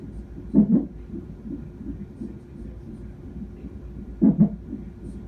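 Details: An infant's first hiccups: two soft, quick, double-pulsed hiccups about four seconds apart over quiet room noise.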